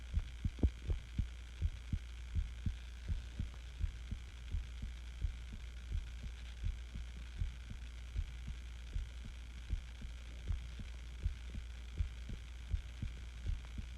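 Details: Self-recorded heartbeat of a person sick with the flu; steady low thumps at about 80 beats a minute over a constant low hum; ordinary heartbeat.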